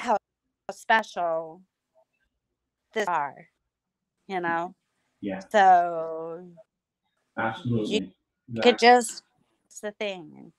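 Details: Aphasia in an adult female survivor of hemorrhagic strokes from a carotid artery tear; she lost speech, relearned it with a speech pathologist through singing, and still sometimes cannot speak.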